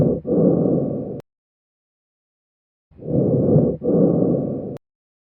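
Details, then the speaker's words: Teaching recording of bronchial breath sounds: loud, hollow, harsh breathing with a brief pause between breathing in and a long breathing out. "You are listening to vesicular breath sounds. Bronchial breath sounds."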